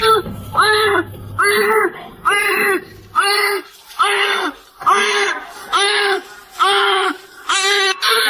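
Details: Newborn baby girl, 3,140 grams, just delivered by C-section, crying: rhythmic high-pitched cries, about ten bursts, each followed by a quick breath.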